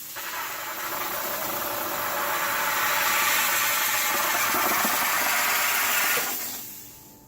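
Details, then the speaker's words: Loud continuous hissing blast of pressurized steam for about six seconds, then tapering, from a Reliable 5000 dental lab steamer (50 PSI) in an orthodontic lab: dental lab steam cleaner. "what you do is you hit this button here the very first stream that comes out a lot of water so you want to catch that"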